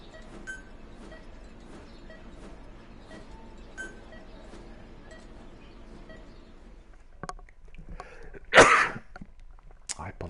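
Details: Sneeze.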